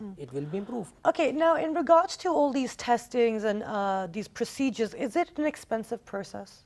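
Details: Adult female speaker; normal speech.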